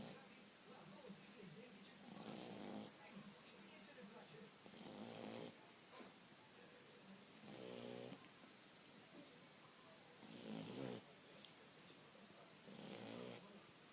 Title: Snoring sharpei -